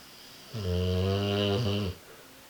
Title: American Bulldog snoring loud